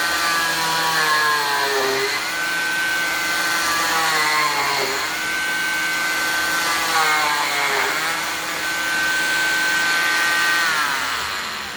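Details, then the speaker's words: Cast saw (940 model) on low speed cutting off a fiberglass arm cast using the in-and-out method: steady high motor whine dipping in pitch about every three seconds as the blade enters and leaves the fiberglass. "i'll do it on low speed because the high speed is a little bit louder and may affect the video quality but i'll do it up close here so you can see"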